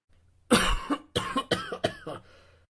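A run of about five short, dry, acted coughs in a quiet room. A cough like this can be the first sign of an asthma attack.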